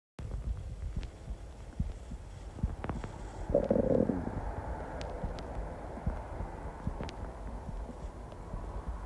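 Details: Low continuous rumbling with a louder gurgling growl midway, recorded while at work: constant stomach growling (bowel sounds).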